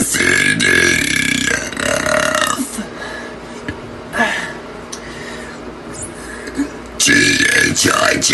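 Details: Burp contest reciting the alphabet A–Z: long, loud, drawn-out deliberate burps with voice shaped into letters, in a quiet room; voluntary burping.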